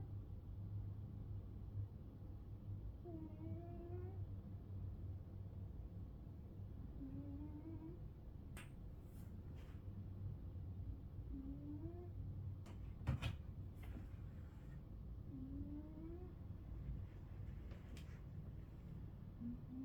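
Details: 11-year-old napping cat snoring slightly: faint, rising whistle-like snores about every four seconds, roughly 14 a minute, over low room rumble.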